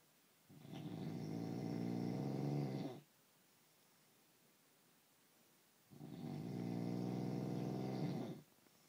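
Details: Adult husband snoring in sleep despite using an anti-snoring foam spray: two long, low, rumbling snores on the in-breath, about 11 breaths a minute, with quiet pauses between.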